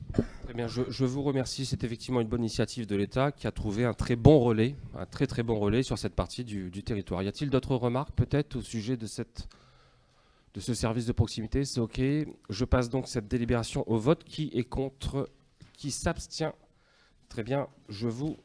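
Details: Adult man, French speech; normal voice.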